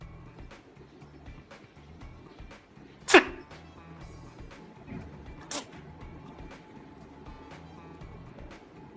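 Two short, sharp bursts stand out a couple of seconds apart over quiet background music: an owl sneezing twice.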